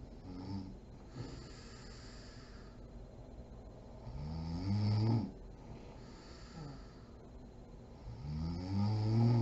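Low rough snores on the in-breaths, recurring every few seconds in a quiet room; ordinary snoring during sleep.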